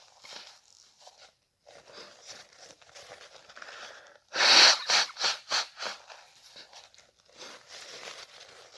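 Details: Sharp, deliberately induced sneeze without a cold, followed by short nasal blows, sniffs, then nose blowing; sneeze.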